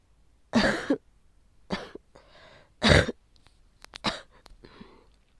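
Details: Adult with COVID-19 caught from their child, coughing up large amounts of sticky phlegm with a sore throat: four harsh, forceful productive coughs with rough, wet-sounding breaths between.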